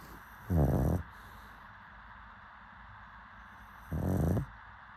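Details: A sleeping pug gives two low, rattling snores about three and a half seconds apart, with quiet breathing between them.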